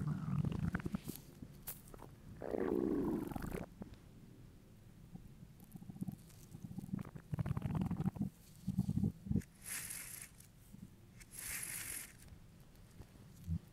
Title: Hungry stomach rumbles